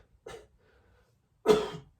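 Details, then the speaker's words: Cough during COVID-19 infection: a short weak cough, then a louder harsh one; described as strange, seeming deep in the bronchi or lungs but not coming up; being treated with mucaltin. "тут вот как будто бы это в бронхах они в легких как будто бы кашель что-то вроде бы есть но он не выходит он какой-то странный кашель"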